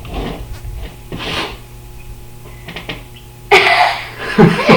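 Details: Attempting to sneeze with eyes open as a home experiment, with a napkin used to trigger it: a breathy build-up of sniffs and gasps, then one loud explosive sneeze with a trailing groan.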